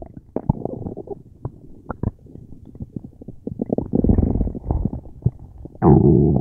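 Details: Person who had a tummy ache: long, loud, gurgling and groaning stomach rumbles with bubbling pops; very active bowel sounds (borborygmi).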